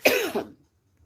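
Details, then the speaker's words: Adult woman with a persistent barking cough that worsens at night: a single harsh, explosive cough with a rough, barking quality, followed by quiet. "Pera aí, gente. A tosse a noite pega. Ó. Começou."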